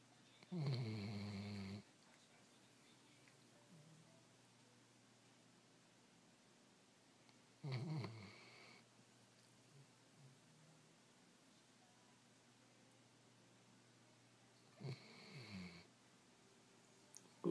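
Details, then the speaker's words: Snoring from a sleeping dog, owner wonders whether he has sleep apnea: three low, rumbling snores with long quiet gaps between, an irregular pattern in a quiet room. "Hoover, do you have sleep apnea? Hoover, are you okay?"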